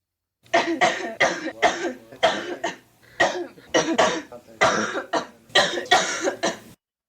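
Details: About a dozen harsh, forceful coughs in close runs from a sick 19-year-old woman, recorded on a stereo Walkman cassette during a 1983 interview.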